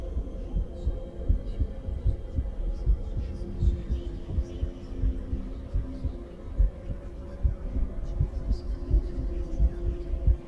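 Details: Real female heartbeat recorded with a stethoscope at rest: regular low thumps at a resting rhythm with faint background hum, a normal heartbeat.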